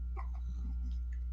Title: Baby has hiccups